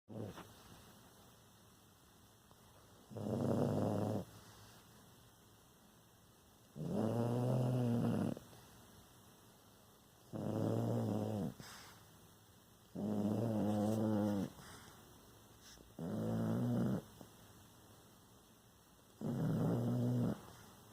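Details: A pet makes loud, rumbling snore-like sounds on each breath while awake, stertor, an abnormal noisy breathing pattern.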